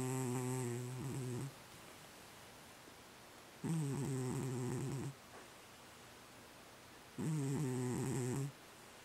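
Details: Sleeping pet snoring, possibly during REM sleep: soft, buzzy snores about 17 a minute with quiet breaths between; snoring.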